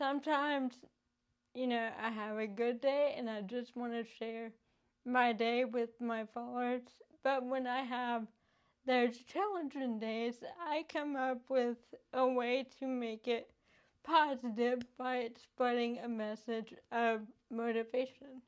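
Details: Adult woman with cerebral palsy affecting her speech; mild dysarthria (cerebral palsy).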